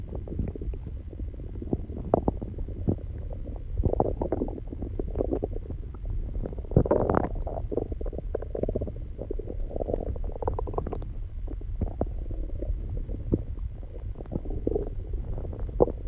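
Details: Stomach growling recorded after exercise and calming down: continuous low rumbling with gurgling swells over a steady background hiss, ordinary borborygmi from normal bowel activity.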